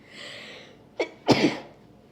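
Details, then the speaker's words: Adult with pollen allergy sneezing all day after opening windows: a breathy intake, short catch, then one harsh sneeze into tissues during a sneezing attack, eyes watering. "oh sorry they sound so uh harsh I'm trying to sneeze into some tissues to make them a little less loud"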